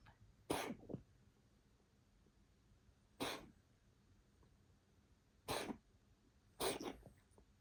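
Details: An animal has a coughing fit recorded July 26: four sharp, explosive bursts spaced a few seconds apart.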